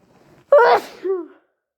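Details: Person with a cold, still stuffy with an insanely itchy nose: one loud, explosive sneeze with a brief voiced trailing sound; the first sneeze was natural, the later ones induced.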